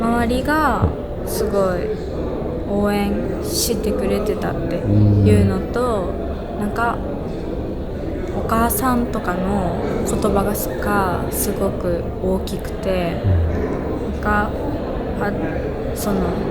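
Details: Young female student who stutters; her stuttering worsened around the summer of her second year of middle school; stuttering.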